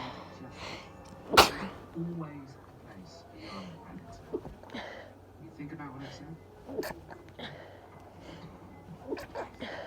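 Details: Sneezing fit of about 30 sneezes, suspected allergy season: one sharp sneeze burst followed by softer sneezes and breaths, with television talk in the background.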